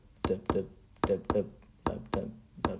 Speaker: if you put your stethoscope on your chest what you should hear if you have a normal heart is two sounds and we call this the lab dub um